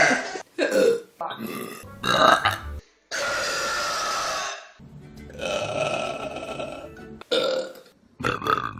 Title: Best Burps On Youtube || #15